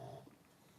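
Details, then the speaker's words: Pug snoring in the background during a podcast-style talk. "sorry for the pugs snoring but you know this is the sound of my life this is the soundtrack that is my life now"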